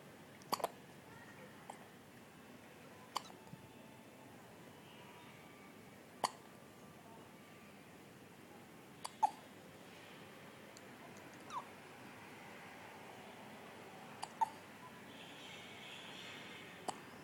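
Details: Baby with non-stop hiccups who seems untroubled by them: short, sharp hiccups, about 12 a minute at an uneven pace, in a quiet room.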